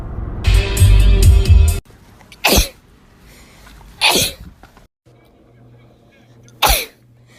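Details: Three sharp, explosive, uncovered natural sneezes after a burst of loud music, each a sudden burst with quiet between: sneezing.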